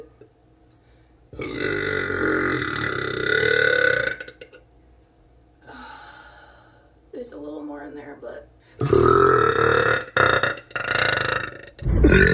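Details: Compilation of relieving thick burps: several long, loud, rumbling belches with pauses between; burping.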